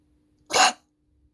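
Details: Dog coughing: a single short, sharp cough burst against a quiet background with a faint steady hum.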